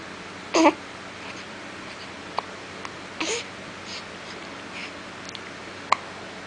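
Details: Newborn hiccups in a 5-day-old baby: brief, sharp catches of breath at irregular intervals with small voiced squeaks in a quiet room, a normal finding.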